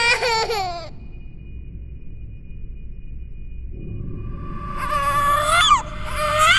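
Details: Designed horror sound effect, not a real infant: brief wailing ghost-baby cries separated by a faint steady tone and quiet, built from layered eerie ambience, reversed textures, subtle distortion and cinematic processing; simulated infant cry.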